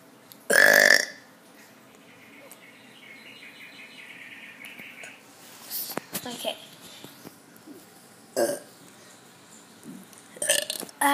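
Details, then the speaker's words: Deliberately produced burps on request: one loud burp, then a few smaller burps, with a chirping bird clock in the background; belching. "Hello everybody, I'm going to do more burps."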